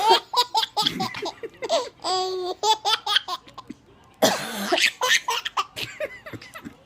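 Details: Mother's rough adult coughing fit in repeated bursts, mixed with a baby's high, squealing laughter.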